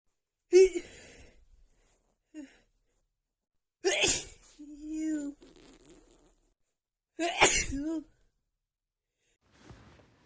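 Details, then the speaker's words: Female, sneezing fit she attributes to pollen: three forceful sneezes in quick succession with brief voiced gasps between; sneezing fit. "The pollen is really getting to me as you can probably hear."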